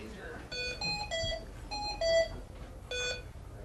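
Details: Hamilton ventilator training, running on a test lung just after start-up: repeated bursts of a high electronic alarm tone at varying pitches, with quiet room noise behind it.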